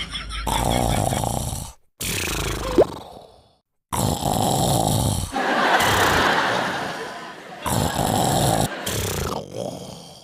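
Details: Husband snoring: loud, rough, rattling breaths repeating with short pauses between them, in a small room. Heavy snoring.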